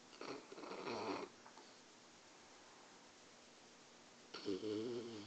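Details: Two rough, vibrating breath sounds separated by a quiet pause, fitting snoring during sleep.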